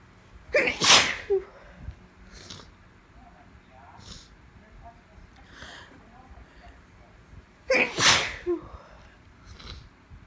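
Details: Woman with allergies on top of a cold: stifled sneezes that get bigger, here two loud, explosive sneezes about seven seconds apart with softer sniffs and breaths between; repeated sneezing.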